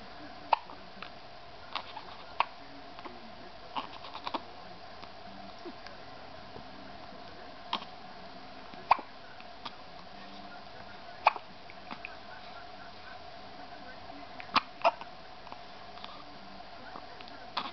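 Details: Infant hiccups: brief sharp clicks recurring irregularly over a quiet hum.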